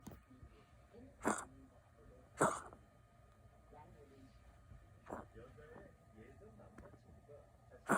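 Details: Four sharp, harsh bursts over about eight seconds, separated by quieter breathing and snuffling, from a dog named Ttotto with a severe cough: repeated cough.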